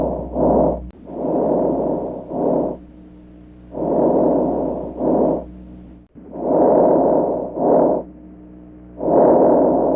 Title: Abnormal breath sounds and names.